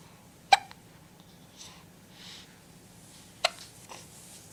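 Two sudden, sharp hiccups about three seconds apart with quiet breathing between; hiccups.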